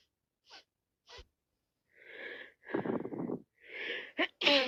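Wet sniffs, quick gasping breaths and a sharp sneeze at the end, the congested sniffling and sneezing of a head cold.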